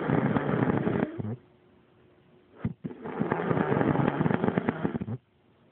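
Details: A mother who falls asleep at 7 p.m. every night snores while asleep.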